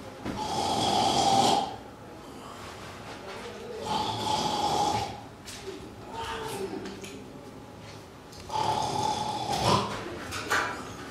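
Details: Comedic performance, not true sleep: three loud, rasping snore-like inhalations with pauses and a snort, imitating snoring.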